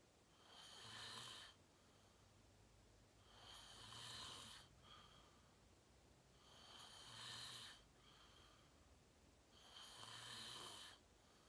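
Regular loud snores with each breath in, about 19 a minute, with quiet breathing out between them: ordinary snoring during sleep.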